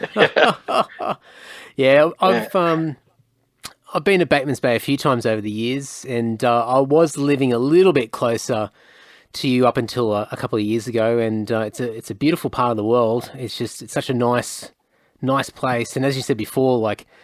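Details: Adult man speaking; typical speech.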